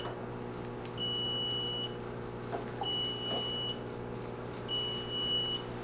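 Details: Level One rapid infuser fluid warmer not yet set up: three steady high-pitched beeps about a second long, repeating every two seconds over room hum; rapid infuser alarm beeping.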